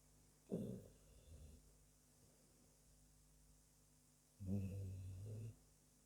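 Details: Sleeping pet dog with light snoring: two soft, low snorting breaths with a rough flutter on the second, separated by a quiet pause.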